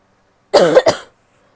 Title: coughing (f)